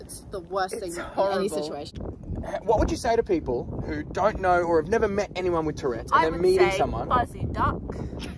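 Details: Adult speaker; typical speech.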